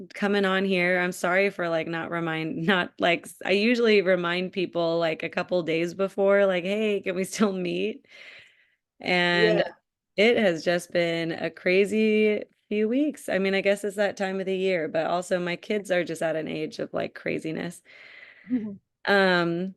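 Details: Adult woman speaking; typical speech.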